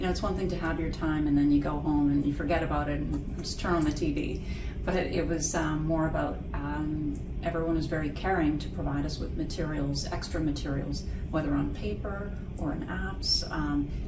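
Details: Adult female speaker; Normal speech.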